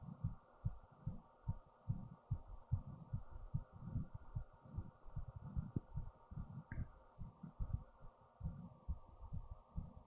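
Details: Own fast heartbeat at roughly 140 beats a minute, rapid fairly steady low thumps over a constant hum, recorded with a headphone speaker after standing up; heart racing with fast breathing.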